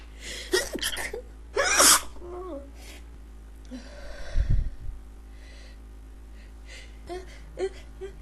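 Gasping in-breaths and a loud burst like a sneeze, with vocal sounds and a low hum in the background; repeated sneezing.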